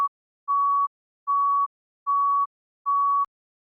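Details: Heart monitor beep sound effect: steady, evenly spaced beeps at about 75 a minute, a regular heart-rate tone.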